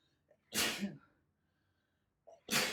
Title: Natural sneezes compilation